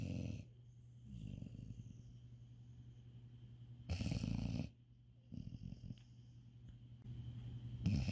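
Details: Snoring in a cat asleep in bed after an exhausting day: low, rumbling snores with a steady deep hum, about 15 breaths a minute, faint room noise.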